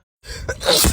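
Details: Black woman sneezing on camera, allergies noted: a single sharp, explosive sneeze after a short breath in.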